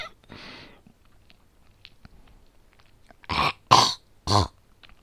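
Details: Simulated coughing fit, acted voice role-play rather than a real cough: a soft breathy cough, then three loud harsh coughs in quick succession.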